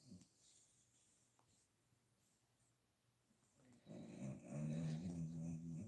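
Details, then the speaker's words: Dog snoring while asleep during an evening livestream chat, owner says he is fine and just snoring: quiet room, then low rumbling breath noises of ordinary snoring. "Y'all hear that? You hear? He's snoring away. I promise he's fine. He's just snoring."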